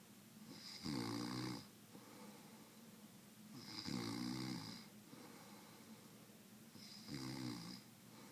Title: Hilarious Snoring Video